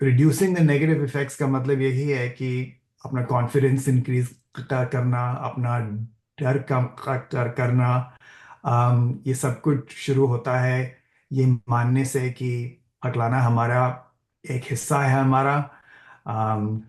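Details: Adult man, stammering self-help session co-leader, who says he stammers and is wired that way; repetitions of short phrases and words with "uh" fillers heard; stammering (stuttering).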